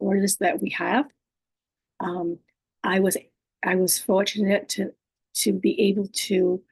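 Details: Adult woman living with aphasia, apraxia of speech, dysarthria and other communication disorders; she says her speech can be hard to understand and distorted: aphasia with apraxia of speech and dysarthria.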